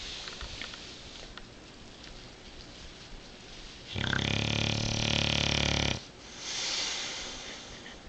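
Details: Sleeping male Bulldog snoring: a loud, rough, rattling snore lasting about two seconds, then a softer breath.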